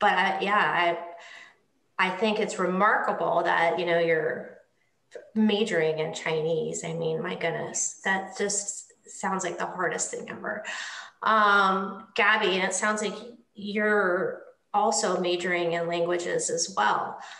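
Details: Adult woman speaking; No speech disorder.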